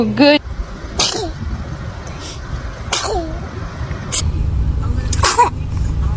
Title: The baby is sneezing#interesting #funnybaby #love #happy #funnyvideos